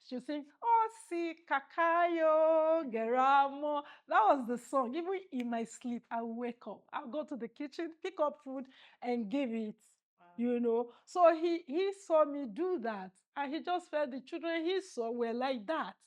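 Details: Adult woman; Normal speech.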